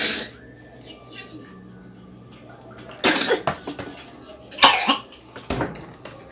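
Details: Dry cough in a child: a few short, harsh, unproductive coughs in a quiet room.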